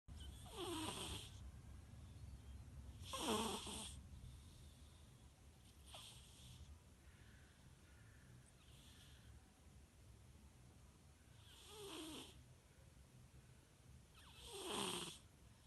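Soft, irregular snoring breaths from a sleeping cat, about 23 a minute, over low room hum.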